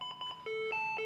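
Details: Paramedic training demonstration of synchronized cardioversion on a training defibrillator at 150 J in sync mode: short electronic beeps, then steady alternating tones as the shock button is held down to deliver the synchronized shock.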